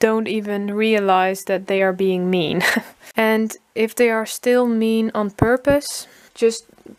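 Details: Woman from Holland, formerly a covert stutterer who hid her stutter, now letting it show openly and sometimes stuttering voluntarily; stuttering.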